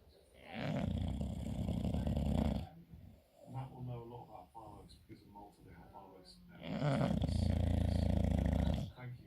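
Two long, loud, deep rattling snores with quieter snorting and gurgling breaths between them: loud snoring in a dog.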